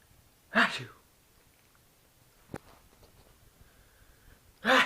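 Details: Person's sneezes, which make a pet cat angry: two loud, sharp sneezes separated by a quiet pause with a faint click between them.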